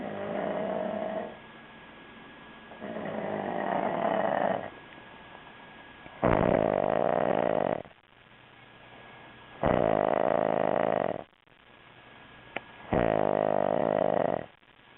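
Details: An adult sleeping on a couch after a two-day drinking bender, snoring: loud, rumbling snores alternating with quieter breaths, about four cycles in fifteen seconds.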